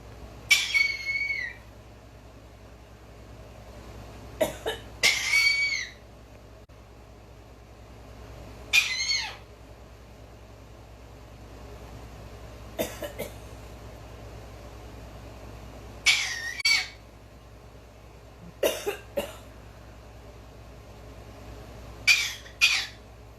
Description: our Cockatoo can cough just like us.